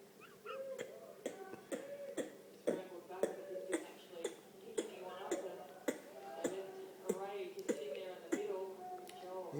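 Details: An adult woman asleep on a couch makes a rapid string of gecko-like clicks and chirps, about two per second, after a loud snore; she began making these sleep noises three months ago.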